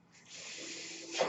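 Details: Soft, steady rush of air swelling over about a second: the speaker's own mechanical ventilator delivering a breath while he talks; mechanical ventilator airflow.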